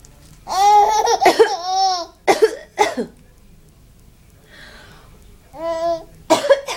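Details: Several short adult cough bursts from a mother, with her baby's bright, voiced laughter between them as the baby laughs at the cough; cough.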